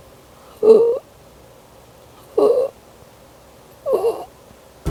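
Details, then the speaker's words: Infant stridor: loud, harsh, high-pitched squeaking from the throat or neck on breathing in, recurring about every 1.7 seconds, from a home-remedy explainer on noisy baby breathing. "ito ay maaari mong marinig bilang parang squeak sa kanyang lalamunan o sa kanyang leeg sa tuwing siya ay Hi nga na maaaring mahina lang Gaya nito o kaya minsan naman maaaring ito ay mas malakas na tunog Gaya [Musika]"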